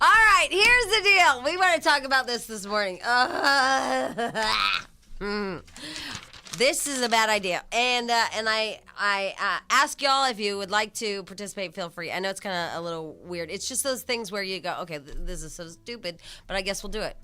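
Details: Adult radio host; Normal speech.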